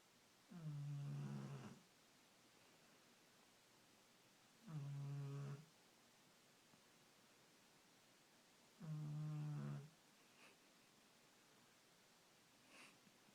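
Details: Dog snoring: three deep, rumbling, voiced snores on breathing in, roughly 14 a minute, in a quiet room.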